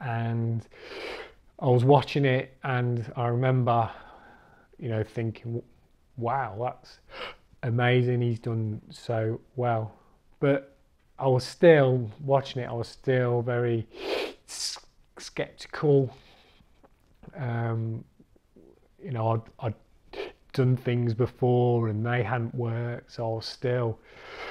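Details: Adult man, a recovering stammerer who has completed the Starfish stammering course, speaking with stuttering (stammering).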